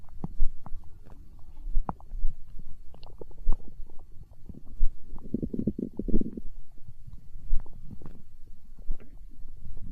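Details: Hunger stomach growling recorded for ASMR: low gurgling and bubbling bowel sounds with a longer growl in the middle, an empty stomach rumbling (borborygmi).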